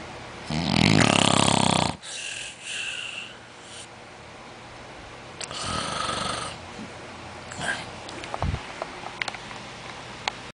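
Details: Loud harsh snore on a breath in, then softer snuffling snores and small clicks in a quiet room: snoring.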